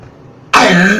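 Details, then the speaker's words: A single harsh cough or throat-clear after a moment of quiet, occurring during attempts to sneeze on purpose; a cough. "that was cough okay i'm back"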